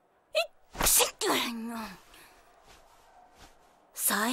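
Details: A quick catch of breath, then one sharp, explosive sneeze trailing into a voiced, falling sound from a female teacher in front of her class: sneeze.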